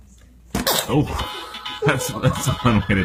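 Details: An infant gives a sudden, sharp little sneeze in a quiet pause, followed by adult laughter and voices in the room.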